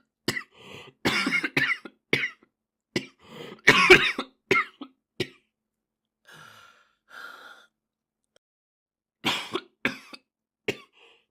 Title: japanese boy coughing 3